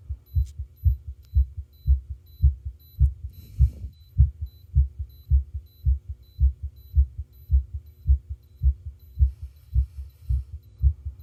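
Steady, regular low heart thumps with a faint background hum and a brief rustle; normal heart sounds.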